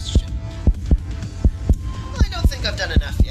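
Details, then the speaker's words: Steady paired lub-dub heartbeats at about 78 a minute, with background music, heard as a person starts a light jog and heart rate begins rising; heartbeat during exercise. "so I'm going to keep going for a little while my heart rate is starting to increase a lot I'm breathing heavier and more oxygen is being delivered around my body to catch up"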